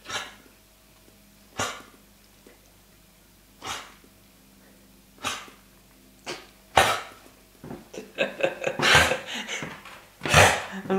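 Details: A Lurcher dog gives spaced, dry coughs, then a quicker run of harsher hacking coughs; cough caught at kennels, checked by vets and found to be nothing serious; kennel cough.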